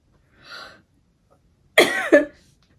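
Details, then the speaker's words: Woman with systemic scleroderma and Raynaud's, whose lungs developed fibrosis: a soft breath in, then two short, harsh, dry coughs, a cough due to pulmonary fibrosis. "which you can hear I cough a lot and this is due to uh over the time my lungs developed there was a fibrosis right of the lungs"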